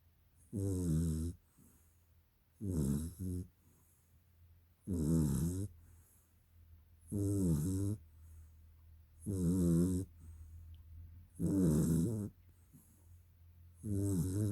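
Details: Dog taking a nap: regular rumbling snores on each breath, about 27 a minute; snoring.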